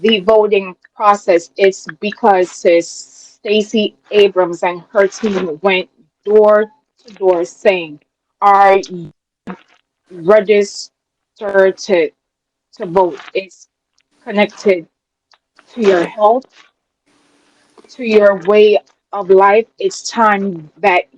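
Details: Adult woman with a self-described speech impediment, which she calls her disability; real, not acted: speech impediment.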